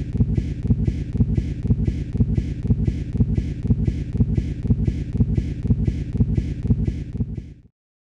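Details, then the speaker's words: Fetal Doppler after a cord-compression deceleration resolves as the uterus relaxes between contractions: rhythmic, steady, regular whooshing pulses at about 120 to 125 beats a minute, a normal fetal heart rate at the lower edge of normal. "when the uterus relaxes between contractions umbilical cord compression is relieved and blood flow to the fetus is restored with the return of normal blood flow to the fetus the deceleration resolves and heart rate returns to normal"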